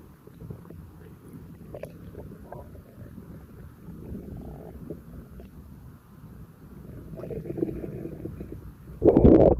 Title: Bloated active tummy digestion and burps! 💓💓